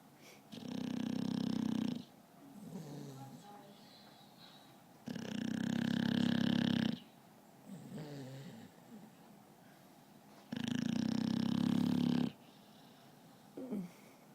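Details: Adult snoring: three loud, rough, rumbling snores on the in-breath, each about 1.5 to 2 seconds, with quieter out-breaths between, about 12 breaths a minute.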